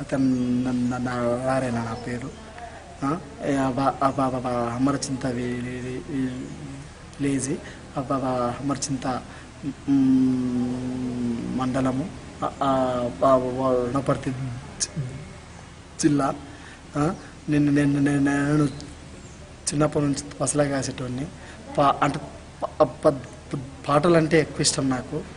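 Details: Stuttering since birth in an adult man speaking Telugu; he reportedly struggles to pronounce words when speaking, though he sings fluently; real speech.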